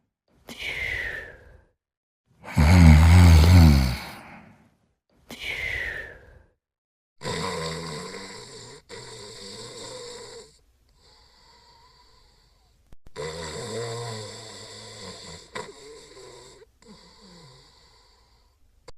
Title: Sebastian, Sidney & Dexter Sleeping & Snoring